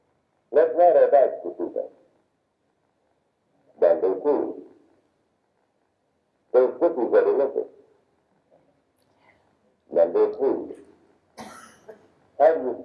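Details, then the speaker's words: Simulated high-frequency hearing loss: speech sentences with high frequencies filtered out, low frequencies (250–1000 Hz) kept, sounding muffled and dull, audible but hard to understand. "you will experience speech as it would sound if you had some high frequency hearing loss yourself you will hear four sentences however they will not sound normal to you since some of the high frequency tones have been filtered out"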